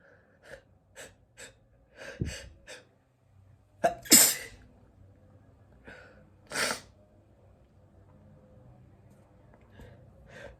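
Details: Male sneezing: quick catching in-breaths build up, then two loud explosive sneezes with quiet breathing between; repeated ordinary sneezes.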